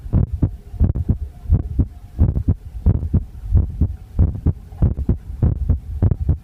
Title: visible heartbeat (sorry for bad sound 🙃)